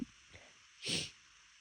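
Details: Failed attempt to hold back a sneeze: a brief faint intake followed by a short, hissing, partly stifled sneeze.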